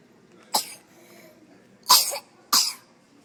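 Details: Coughing in an emergency room, recorded on an Android phone: three harsh, explosive coughs with short gaps, each ending in a rough rasp.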